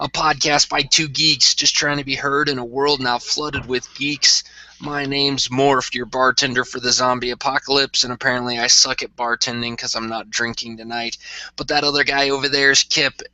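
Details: Adult male speaker; normal voice.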